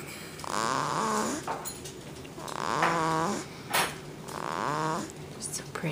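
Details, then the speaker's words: Three long, rising, whistling-growling breaths about every two seconds from a sleeping 2-month-old puppy lying on a person's belly; owners attribute it to her sitting position; loud snoring. "She's sawing logs at the age of 2 months. Maybe we need to get her one of those little breathe right things. No. It's because of the way she's sitting."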